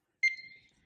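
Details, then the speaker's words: Heated humidifier used with a ventilator, heated-wire tubing circuit, switched on: one short, clear, high beep confirming it is on. "it beeps. So, you know it's on."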